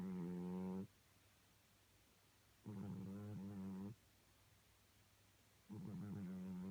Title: Snoring Cat